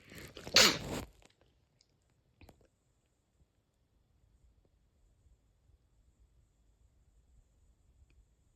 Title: sneeze 59